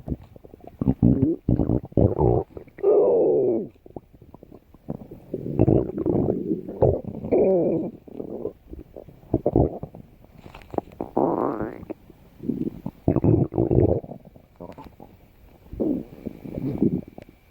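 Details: Bursts of gurgling rumbles and rising squeaky gurgles separated by quiet gaps; ordinary stomach growling (borborygmi) from gas and fluid moving through the gut.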